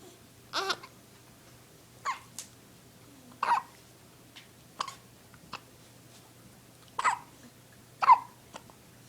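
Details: Short, sharp, abrupt hiccups repeating irregularly, about seven in nine seconds, with faint room hum, during a playful hiccup battle between two people.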